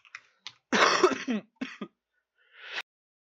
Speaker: My bad. Just coughing real badly. I didn't want you to hear that because I don't like disturbing you guys's video that I'm supposed to make.